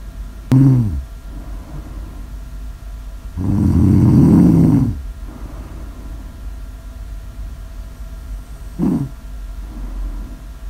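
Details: Snore audio recorded as ASMR: a loud, low rumbling snore with short snorting catches before and after, over steady room hum, snoring during sleep.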